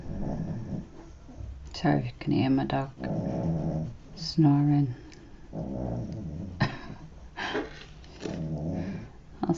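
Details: Dog sleeping contentedly in a quiet studio: low rumbling snores, one every few seconds; ordinary snoring of a relaxed dog.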